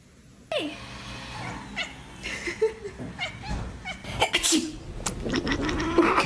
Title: Cats vs Human Sneezes: Hilarious Reactions!🐱#funny